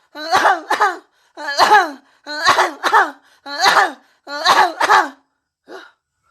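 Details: Woman playfully performing a coquettish cough: six voiced, paired cough bursts with pauses between; an acted, not real, cough.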